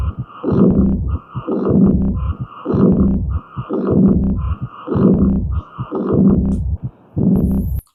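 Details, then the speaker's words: Early diastolic murmur of aortic regurgitation, starting right after S2. S1, S2 and the murmur can each be distinguished. "Okay so this is the murmur of iotic regurgitation early diastolic murmur."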